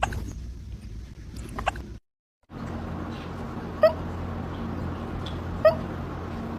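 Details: Cat: brief, sharp little squeaks recurring every couple of seconds over steady room noise; hiccups.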